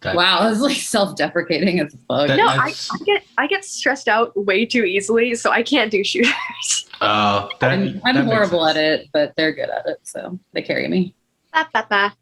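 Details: Adult speaker; no speech disorder.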